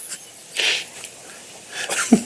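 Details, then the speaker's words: A sneeze and a cough together: a sharp, hissing sneeze-like burst, then a second explosive burst ending in a short cough, in a small room during a radio show. "sneezing like you're skipping a heartbeat a cough is like you bringing up a lung it's almost like a sneeze and a call"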